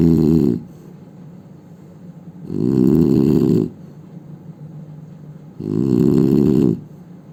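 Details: Loud, rumbling snores from an Indian man, each one to two seconds long, repeating every three seconds or so with quiet gaps between: ordinary heavy snoring.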